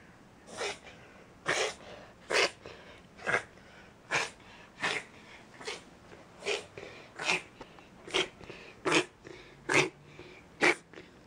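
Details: Shetland Sheepdog reverse sneezing: about thirteen sharp, noisy snorting inhalations in quick succession, sudden rapid forceful inhalations typical of a reverse sneezing episode.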